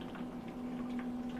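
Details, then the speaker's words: Steady soft bubbling with a faint hum as a home oxygen concentrator runs oxygen through its attached humidifier bottle water, humidity carried into the tubing toward the cannula; normal operation. "And what you can see is you get bubbles from there and you get the humidity picking up and going through the tube."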